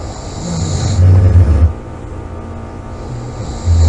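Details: A loud, deep, rattling snore during sleep against a steady background hum; snoring.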